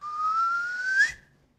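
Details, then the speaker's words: Child with Tourette syndrome describes an urge to whistle in class; a single sustained whistle rising in pitch at the end. Whistling vocal tic. "I really wanted to whistle and all of a sudden I couldn't listen to what the teacher was saying I was just so concentrated about how do I satisfy this tick right now"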